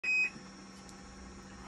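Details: Hemodialysis machine: one short high electronic beep over steady machine hum, alarm from a blood leak test failure; blood leak detector needing calibration.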